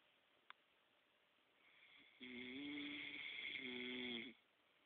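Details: Adult man snoring: one long, buzzing snore with a steady fluttering tone during the in-breath, against quiet room noise.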